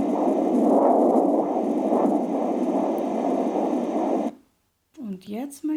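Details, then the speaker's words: AngelSounds handheld fetal Doppler: fast, rhythmic whooshing fetal heartbeat, about twice as fast as an adult heart, then a pause and brief talk; fetal heart sounds on Doppler. "das sind einmal die Herztöne doppelt so schnell wie unser Herz"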